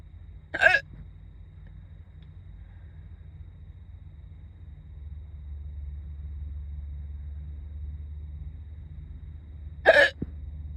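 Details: Hiccups that began while doing makeup in a car before school: two sharp, abrupt hiccups about nine seconds apart over a low, steady car engine hum.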